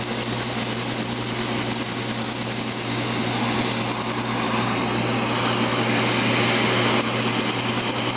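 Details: Second session of laser tattoo removal: loud steady rushing air from a skin-cooling blower with quick faint clicking laser pulses; patient holding breath.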